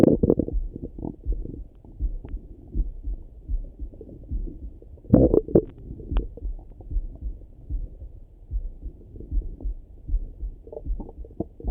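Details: Person's own morning stomach rumbling through a stethoscope: continuous low gurgling and rumbling with bubbly pops, active normal bowel sounds (borborygmi).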